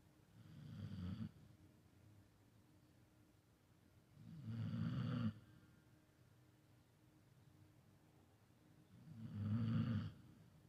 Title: That's her snoring!